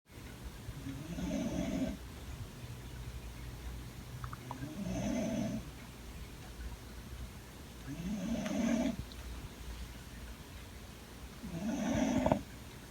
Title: SNORING DOG VS MAN #shorts